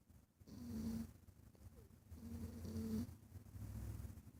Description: My cat snores. Sorry about quality phone is garbage